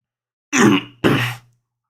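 An adult man gives two quick rough throat-clearing bursts, like a short cough, with no speech around them.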